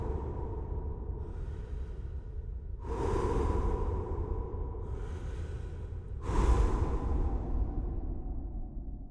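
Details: Two sneezes, each a drawn-in breath then a sudden explosive outburst, over steady background noise, from a collection of people's breathing, sneezing and snoring sounds.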